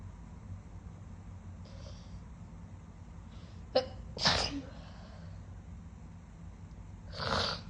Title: Sniffly wet sneezing